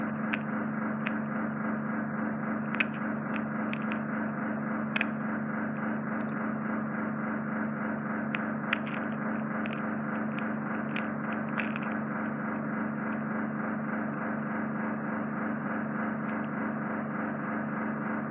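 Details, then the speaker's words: Ear microsuction noise, steady pulsing hiss with clicks and crackles, suction probe on the eardrum removing impacted wax from the eardrum, caused by cotton bud use; eardrum visibly sucked into probe. "I can't get any more out because I'm putting the suction probe on the eardrum. I can feel the eardrum, I can visually see it being sucked into the suction probe, so we don't want to cause any trauma there."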